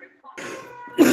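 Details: Adult man gives a brief, rough cough: a harsh rasping burst, then a sharper, louder burst; cough.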